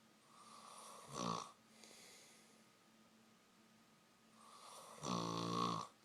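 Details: Ordinary snoring: two loud rattling snores on in-breaths, with quieter breathing between.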